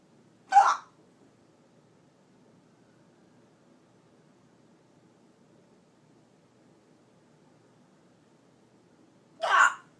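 Two abrupt hiccups about nine seconds apart in a quiet room.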